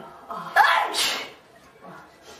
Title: Four girls sneezing